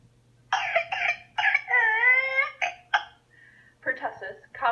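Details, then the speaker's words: Whooping cough (pertussis, Bordetella pertussis): rapid bursts of harsh coughing in severe fits, broken by a drawn-out, high-pitched whooping breath in. "known as whooping cough it's caused by bordetella pertussis a pertussis bacteria enter the lungs and cause swelling and irritation in the airway leading to severe coughing fits"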